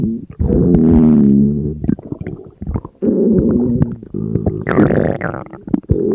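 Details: Person on a diet, very hungry, with an empty stomach: loud, long, groaning rumbles with gurgling bursts running almost continuously, ordinary hunger growling (borborygmi).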